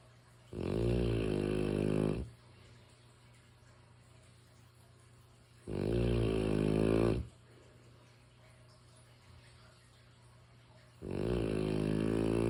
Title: Mastiff’s snores in a bottle - the new white noise